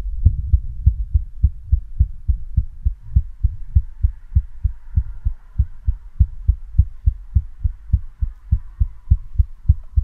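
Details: Female heartbeat recorded with her pulse throbbing hard and visible in the neck: heartbeat.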